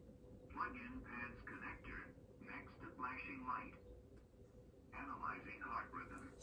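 Thin, tinny machine voice gives short spoken prompts from an AED during a simulated cardiac arrest.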